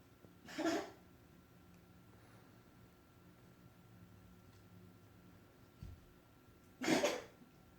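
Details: A cat gives two short, dry coughs several seconds apart in a quiet room.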